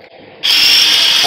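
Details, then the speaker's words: Sudden high steady whine of a surgical power drill drilling central and concentric holes for locking screws while fixing the patella over the reshaped femoral condyles, during a through-knee amputation in a male patient with CRPS. "put one central drill and two concentric drills."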